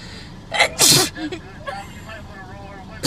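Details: Sharp, forceful sneeze with a gasp before it, triggered by a Covid-19 nasal swab test in a young woman, then brief background talk.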